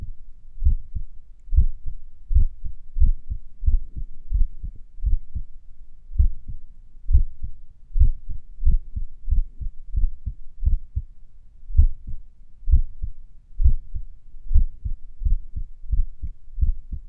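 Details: Heartbeat a few minutes after morning exercise, during recovery: deep, strong beats at roughly 80 per minute, with gaps between beats that lengthen and shorten; sinus arrhythmia.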